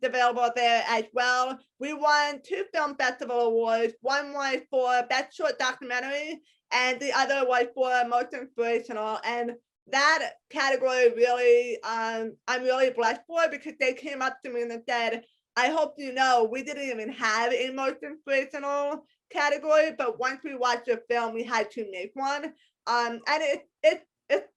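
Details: Adult woman with a congenital hearing impairment diagnosed at age 3 or 4. She wears hearing aids in both ears, is completely deaf to high-pitched sounds and has had extensive speech therapy; speech of a person with congenital hearing loss.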